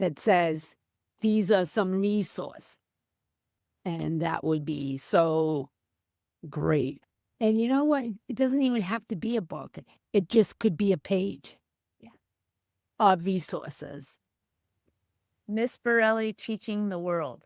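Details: Female teacher with aphasia after a stroke on January 28, 2010; she could not speak at all for three months and is now about 15 years post-stroke; real speech; aphasia.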